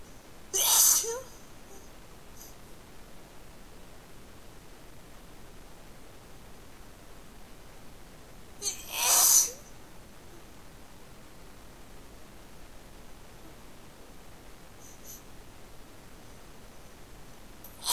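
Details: Two loud, hissing sneezes about eight seconds apart against a quiet background, as the sneezer deliberately tries to make them sound different; ordinary sneezing.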